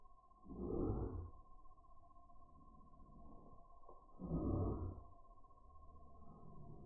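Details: Labrador dog breathing, recorded in slow motion: two slow, soft breaths with a low rushing sound over a steady hum; normal breathing.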